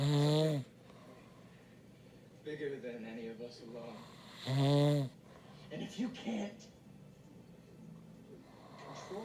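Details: A husband's very loud snoring that keeps his bed partner awake: harsh, buzzing snores on breathing in, about two in the clip with quiet gaps, film dialogue faint in the background.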